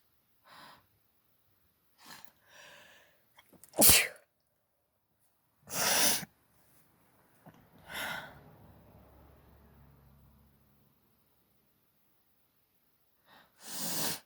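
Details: Allergic sneezing fit: about five forceful sneezes with quiet gaps and a breathy stretch between.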